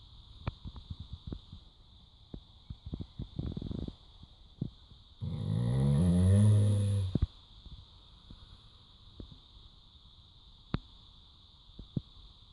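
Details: Labrador named Mali snoring during an afternoon nap: one deep, rattling breath sound against a quiet room with scattered clicks.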